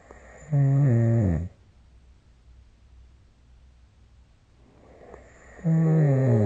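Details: Snoring recorded with the SnoreLab app: loud, low, buzzing snores on each breath in, separated by quiet pauses of about four seconds, with snorts; habitual snoring during sleep.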